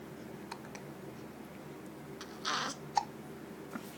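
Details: Infant boy with hiccups, seemingly annoyed by them: soft, abrupt little clicks and catches in a quiet room, consistent with ordinary baby hiccups.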